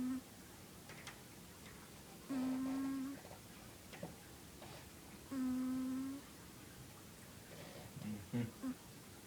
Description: Trixie making a wheezing noise while sleeping.